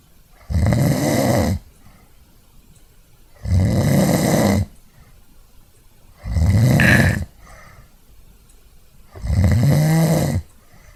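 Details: Short series of human snores recorded via the built-in microphone of an Archos AV420, lightly edited with noise reduction applied: snoring.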